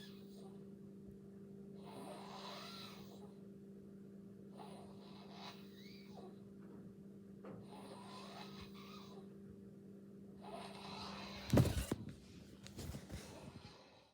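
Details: Brother snoring during sleep; soft, regular rattling breath sounds about every 2.5 seconds, roughly 24 a minute, over a steady hum, consistent with snoring.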